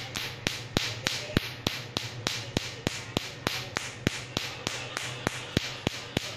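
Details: Sharp, regular snapping clicks, about 200 a minute, over a steady low hum from a tattoo removal laser firing pulses during a tattoo removal session.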